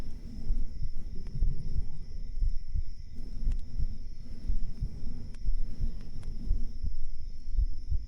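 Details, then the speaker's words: Speaker's own heartbeat picked up by a very sensitive 3Dio binaural microphone during a live whispering ASMR stream, called his real heartbeat, though a sound effect is also mentioned; regular dull low thumps, normal heartbeat. "Yeah, it's my proper heartbeat."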